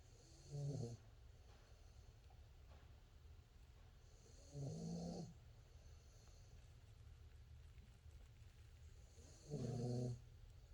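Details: Sleeping dog snoring after a day of hard play: three low, rumbling snores on inhalation at about 12 breaths a minute, with quiet pauses between; ordinary snoring.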